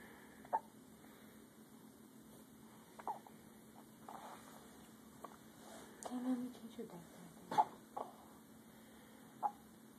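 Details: Baby boy's first hiccups: short, sharp catches every two to three seconds, with soft adult talk and room noise behind.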